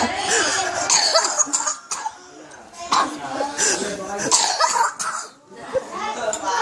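Several harsh coughing bursts mixed with throat noises and voice-like sounds; a plain cough.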